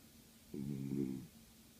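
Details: Sleeping dog that snores very loudly: a single low, buzzing snore lasting under a second in a quiet room.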